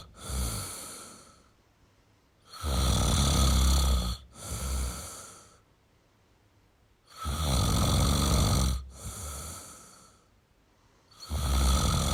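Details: Adult male snoring: deep, loud, rattling snores about 14 a minute, a long rough inhale and shorter exhale with brief quiet between; ordinary snoring.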